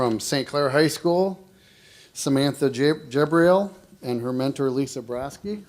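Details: Adult male speaker; ordinary speech.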